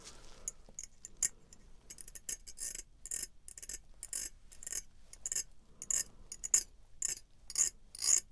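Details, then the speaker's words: Simulated ASMR dentist roleplay: short, repeated high-pitched scraping strokes of a dental scraper removing mild plaque from the back of the teeth during an examination of the teeth, mouth and jaw. "Yeah, there's definitely some plaque built up at the back there. I mean, it's not excessive, but you know, it's there. Let's see if I can scrape some of that away."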